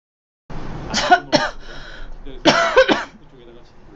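Several sharp, harsh cough bursts in two clusters from a young woman, with a brief breathy pause between.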